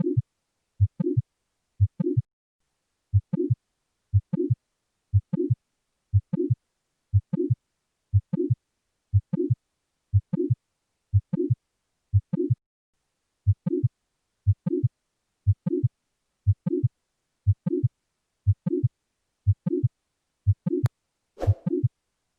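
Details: Mitral valve prolapse heard on auscultation: regular heartbeat near 60 a minute with a soft late systolic murmur.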